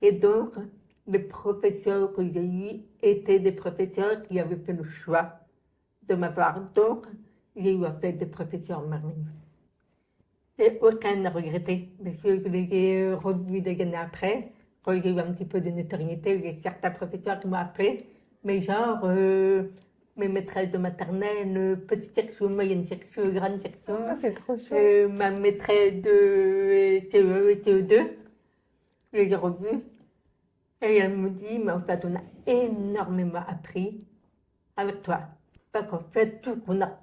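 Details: Deaf speech in French from an adult woman born profoundly deaf who had thousands of hours of speech therapy from childhood and lip-reads; real speech.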